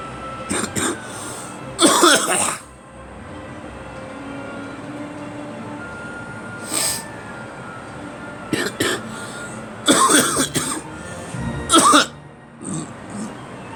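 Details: Adult coughing: about six short cough bursts, some doubled, over a steady background hum.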